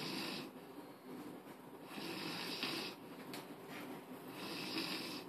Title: Snoring queen